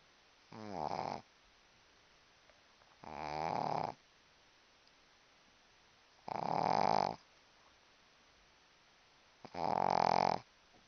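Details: Snoring during sleep: four rattling snoring breaths about three seconds apart, roughly 20 a minute, with quiet gaps between.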